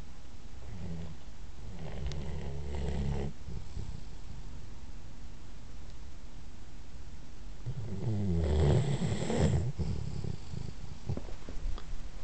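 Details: Sleeping female chocolate Labrador snoring, possibly dreaming: low, grumbling snorts and rumbles on each breath over a steady background hiss.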